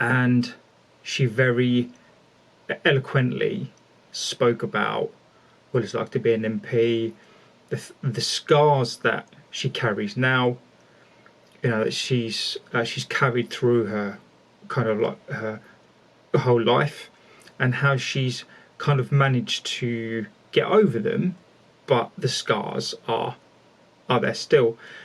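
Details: Stuttering in a male speaker who stammers, with whole-word repetitions such as 'the the' and 'are are'.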